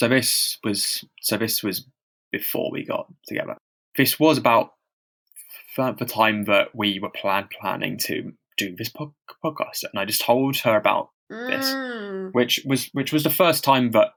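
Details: Stammering in a man who stammers, speaking unscripted as a podcast co-host; he reports having really heavy blocks.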